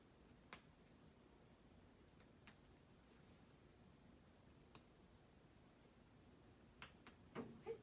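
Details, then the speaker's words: Soft percussion taps over each abdominal quadrant during a head-to-toe assessment, giving a hollow tympanic note with no dullness; normal tympanic abdominal percussion note. "has tympani and no dullness and each quadrant"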